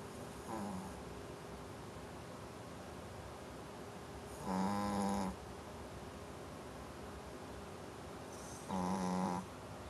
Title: Brewster snoring